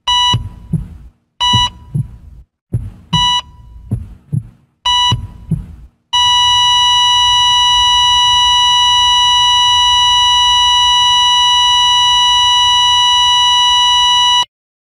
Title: Medical Heart Beat Monitor - Sound Effect